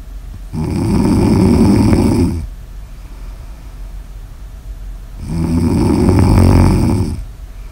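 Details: Sleep snoring in an ASMR recording: two long, loud rattling snores on breathing in, with quiet breathing out between, about eight breaths a minute.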